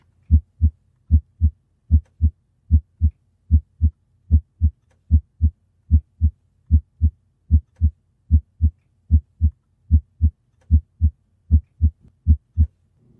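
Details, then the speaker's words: Teaching audio clip of normal heart sounds: steady lub-dub at about 75 beats a minute with normal S1 and S2 and no extra sounds, presented alongside S2 splitting on inspiration. Normal heart sounds (S1 and S2). "into the actual sound of a normal s1 s2 and an S to split after this segment you should be able to discern s1 and s2 and be able to hear and identify s2 splitting"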